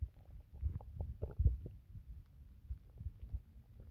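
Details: Quiet, low gurgles and soft rumbles from the belly after drinking water: ordinary bowel sounds (borborygmi).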